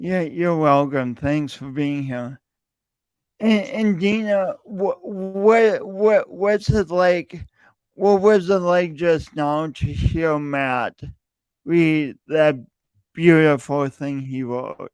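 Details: Male podcast host who says his speech impediment is audible every time he speaks; speech impediment with stuttering-like disfluency.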